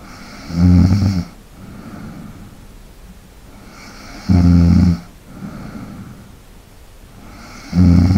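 Loud, low rattling snores on each in-breath with quieter out-breaths between, about 16 breaths a minute; ordinary snoring.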